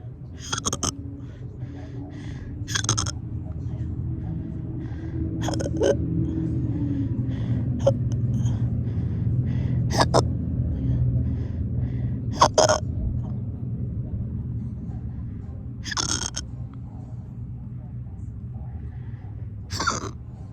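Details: Person with persistent hiccups lasting hours despite attempts to stop them: repeated sharp, abrupt hiccup sounds at irregular intervals, about eight in twenty seconds, over low room noise.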